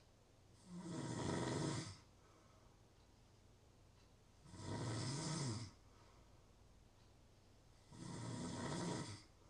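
Regular coarse snores on each breath in, about 17 a minute, separated by quiet exhalations; typical snoring.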